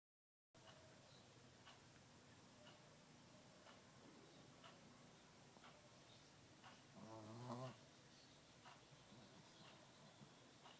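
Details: Adult female Shih Tzu ("mommy xi-shi"), tired, sleeping in the morning: soft, quiet rhythmic snuffling breaths with one louder snorting, buzzy snore midway; light snoring.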